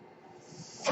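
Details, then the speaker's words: Soft, steady airflow hiss that swells at the end, from the speaker's own mechanical ventilator running in the background of a podcast recording. "Hello everyone, my name is, that noise you're hearing is my ventilator."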